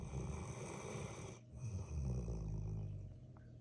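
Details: Sleeping male golden retriever puppy snoring: a low, rumbling, fluttering breathing noise with a steady background hum.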